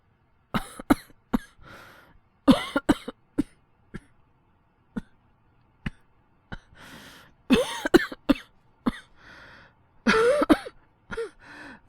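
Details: Acted, voice-performed cold cough by a male voice actor in a fictional scenario: short dry coughs, single and in runs of two or three, with throaty clearing sounds.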